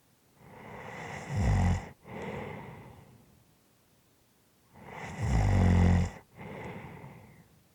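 Two loud, harsh rattling snores on breathing in, each followed by a noisy breath out; heavy snoring in sleep.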